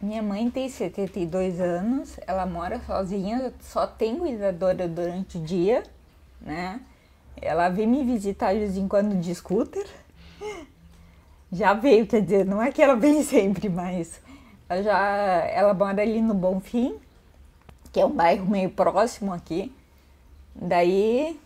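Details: Ataxic dysarthria in a woman with hereditary autosomal dominant spinocerebellar ataxia (Machado-Joseph disease) affecting her speech and gait; symptom onset at 38, diagnosed at 40.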